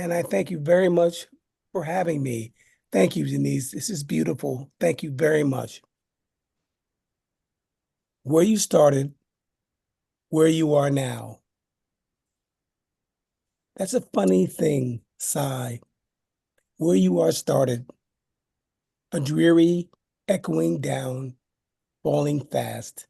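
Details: Adult man living with aphasia after a stroke; aphasia.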